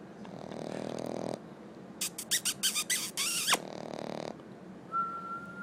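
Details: Sleeping French bulldog puppy: soft snuffling breath noises, then a burst of squeaky snorting puffs; the typical noisy sleep breathing and snoring of a flat-faced dog.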